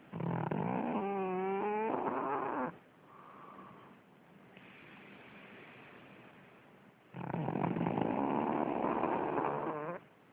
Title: Pug "Bob" Horibble snoring.... Mops Bob děsivě chrápe